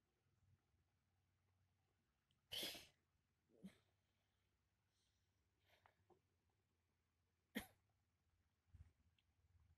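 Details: A few sharp, explosive coughs and sneeze-like bursts spaced apart in a quiet room; adult woman woken by coughing, possibly chronic per the recorder, with dust exposure suspected.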